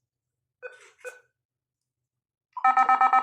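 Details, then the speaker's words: Defibrillator charging tone during a defibrillator-analyzer test taught to a newly hired biomedical engineer, charging to the 270 J maximum, where charge time should not exceed 10 seconds: defibrillator charging tone. "this is you just count the this one for charging because there is the charging time should be there is a limit only for the maximum 270 the charging time should be not more than 10 seconds"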